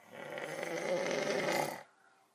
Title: My little brother recorded me snoring my head off